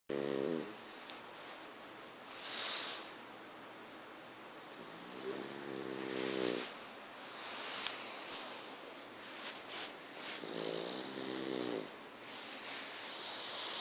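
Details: Pug snoring: three rattling, buzzy snores with noisy breaths between them, typical of a flat-faced dog's snoring.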